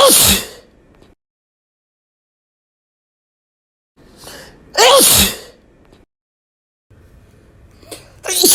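Three loud, wet-sounding sneezes, each with a short intake of breath before the explosive burst, separated by silence.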